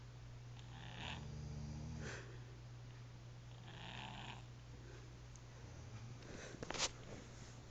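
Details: Snoring: soft, low rumbling snores with airy breath sounds over a steady room hum.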